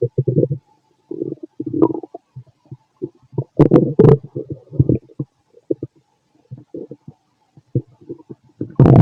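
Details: Bowel sounds (borborygmi) from the stomach of a fit adult male, recorded with a stethoscope after lunch and a carton of milk: frequent gurgling and bubbling bursts with short gaps between them.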